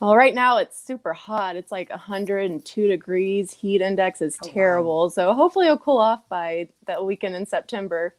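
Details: Adult woman speaking; Normal voice.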